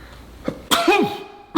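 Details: A quick in-breath followed by a single sharp, explosive sneeze, heard within a reaction to a comedy skit about sneezing more than twice in a row; sneeze.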